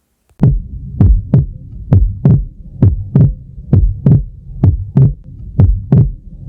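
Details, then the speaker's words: Normal heart auscultation at about 66 beats a minute with regular lub-dub and a second sound that splits on inspiration, as the pulmonary valve closes late; normal heart sounds with physiological S2 splitting. "O som dessa B2 fica com som onomatopéico, né? A gente fala que é o tá ou tra. O vídeo a seguir demonstra a auscuta normal sem variação e demonstra também essa auscuta com esse desdobramento da B2."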